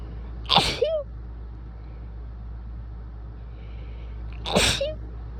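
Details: Two forceful, very wet sneezes (shirt soaked) a few seconds apart, during a sneezy few days, each followed by a brief voiced cry over steady background hum; sneezing.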